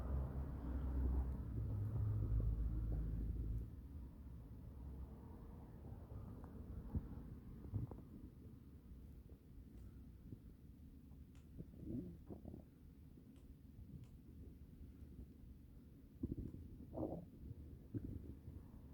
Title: Kind of loud tummy noises